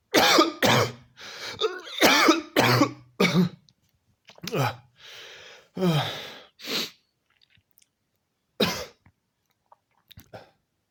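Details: Repeated harsh coughs in bursts, about ten over ten seconds with short pauses between, in a small room; prolonged coughing lasting minutes.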